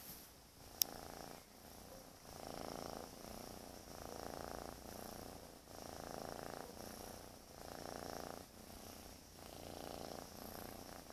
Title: Snoring Cat